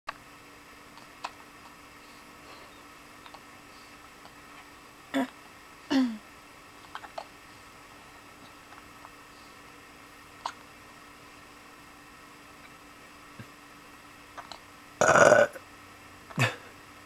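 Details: Kiwi has hiccups: brief, sharp hiccup-like chirps recurring irregularly in a quiet room, fitting a small animal.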